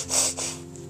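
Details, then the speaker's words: Person with diagnosed Tourette syndrome making two quick airy bursts, a throaty grunt then a short nasal blow with nothing in the nose: a vocal tic of throat noise and sniff. "kind of gr my throat and then blow my nose some not anything in there but just what it is"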